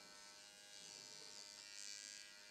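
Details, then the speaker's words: Steady high-pitched electric buzz, rising and falling slightly, from a nanoneedling pen moved slowly in up-and-down motions without pressure along the jawline over taut, wet skin in an at-home demonstration. "We're moving very slowly, and I am not pressing down. You do not want to use any pressure when you're using your Nano Pen."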